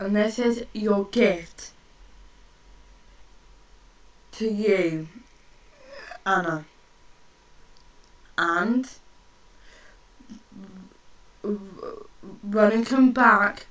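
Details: Stuttering (stammer) in a woman who stammers and is working on controlling it; her speech is slow and broken into short phrases with long pauses.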